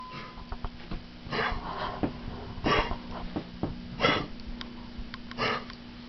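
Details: Dog repeatedly gives four harsh, hacking cough bursts at fairly regular intervals over a faint steady hum: hacking cough.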